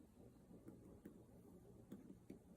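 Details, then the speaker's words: Student nurse percussing all four abdominal quadrants: four soft, short, low thuds. This is the dullness expected over the liver, with tympany elsewhere. "there's my dullness"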